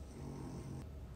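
Low, steady rumbling snore from a sleeping dog, quiet in a room with faint background noise.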